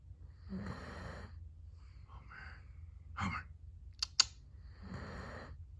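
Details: Soft, breathy snoring breaths from a sleeping Basset Hound, almost 13 years old, with a couple of sharp clicks in a quiet room; snoring.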